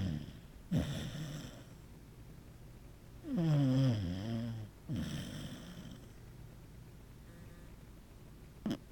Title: A Snoring Corgi!